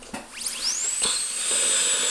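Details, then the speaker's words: High-speed dental handpiece with a bur cutting a real extracted, caries-free tooth, treated as if deeply decayed, to demonstrate root canal access, standing in for caries removal: a brief buzz, then a rising whine settling into a steady high-pitched tone. "이와 같이 치아를 삭제를 하면서 치아를 삭제를 하고요. 이건 이제 실제 입안에서는 충치를 제거하는 과정이 되겠죠."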